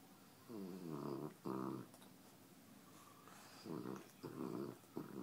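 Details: Soft, rhythmic, low rumbling snores with short pauses in a quiet room, from a sleeping pet whose snoring keeps the owner awake late at night; ordinary snoring.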